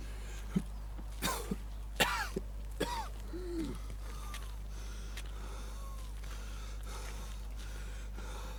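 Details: About four short, harsh coughs in quick succession, some with a brief indrawn breath, then quiet room noise; repeated dry cough.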